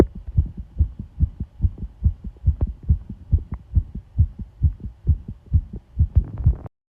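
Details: Heartbeat recorded with pressure applied (pressure heartbeat sound): steady, deep lub-dub, roughly 70 beats per minute, heard close up with a muffled quality; heart sounds.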